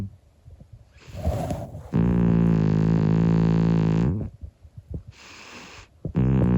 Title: Cat snoring loudly, 25 year old sleeping cat